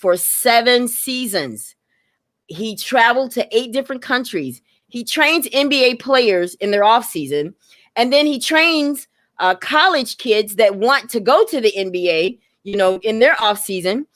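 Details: Adult woman speaking; Normal speech.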